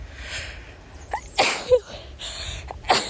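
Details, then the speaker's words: Adult woman with a seasonal allergy flare on a morning walk outdoors: several sharp, explosive sneeze bursts close together: allergy sneezing attack. "but as you could probably hear my oh my God my allergies have been so bad I honestly haven't had symptoms in probably I'd say over a year"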